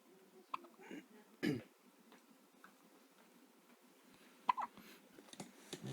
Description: Little baby used to have the hiccups all the time in mommy's tummy. These were the first real hiccups since she has been born.